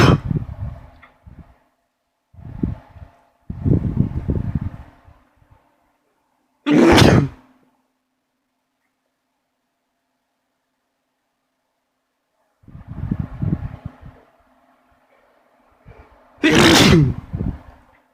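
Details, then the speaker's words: Two loud, explosive wet sneezes, each preceded by stuttering, catching in-breaths, after nose tickling; messy sneezes. "I got it. Oh, that was so messy."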